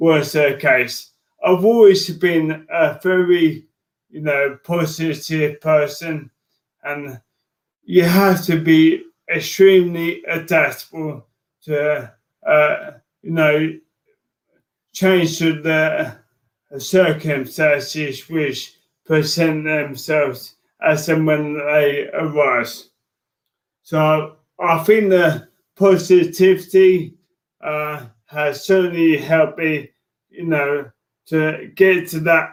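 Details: Adult man with motor neurone disease diagnosed in January 2018; speech changes were an early sign of the disease; dysarthria.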